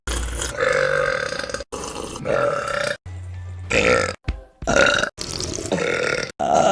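Series of loud, drawn-out voiced belches separated by brief pauses, some with a tonal quality; ordinary burping, with faint music behind.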